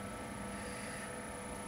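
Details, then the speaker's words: Steady mechanical hum with a constant high tone and no pulsing: a Respironics SimplyGo portable oxygen concentrator switched to continuous-flow mode, as opposed to pulse mode. "and there we are now the oxygen is going to uh flow continuously that's what makes this a versatile machine"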